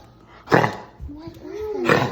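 Two short, harsh bursts from a dog about a second and a half apart, with a thin whine-like tone between them; a dog's cough.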